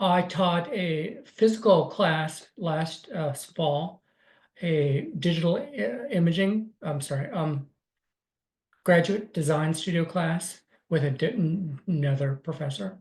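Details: Adult man with aphasia and apraxia of speech after a stroke on December 9, 2020, about four years earlier, with right-side paralysis; for about six months he spoke only yes/no answers and simple sentences; still recovering.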